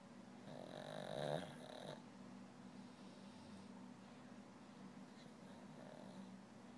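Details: Female sleeping and snoring without waking herself: a single soft, rattling snore on an in-breath, then quieter breathing with faint low snoring in a quiet room.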